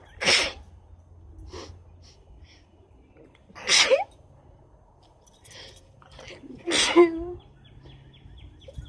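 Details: Three sharp sneezes a few seconds apart with soft sniffs between them, part of rapid repeated sneezing with a lot of nose blowing.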